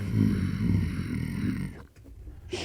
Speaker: Uh, what's tinitus? >> Tinus to me, is one of two things. It's either this or it's this.